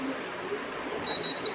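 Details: Two short high electronic beeps over steady room hiss from a syringe infusion pump (2–50 mL syringes) during a demo while its alarm and settings are being changed; infusion pump alarm beep.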